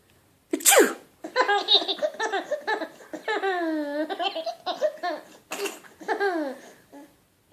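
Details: A mother's playful pretend sneeze for her 10-month-old baby: one sharp, forceful "achoo" burst, followed by the infant's giggling laughter.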